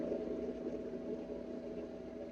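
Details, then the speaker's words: Steady low-pitched hum of an ultrasonic cavitation (lipocavitation) device, just switched back on after a pause, during a professional aesthetic treatment training session; patients may hear it and feel ear ringing. "Ó, agora eu liguei de novo. Ele faz esse barulhinho porque ele trabalha com onda ultrassônica."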